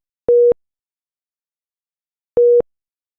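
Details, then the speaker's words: Single steady mid-pitched tone repeating about every two seconds: Philips Efficia DFM100 low-priority alarm, cyan background, for a device problem or non-life-threatening condition such as an SpO2 non-pulsatile message. "low priority alarms indicate a device problem or non-life-threatening condition such as this spo2 non-pulsatile message and they appear in this cyan background and sounds like this"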